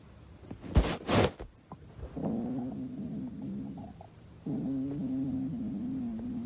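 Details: Stomach growling; borborygmi.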